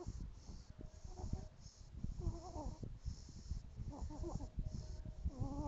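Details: Infant snoring in sleep: repeated snorting, rattling breaths with a wavering whistle-like tone, steady background hiss.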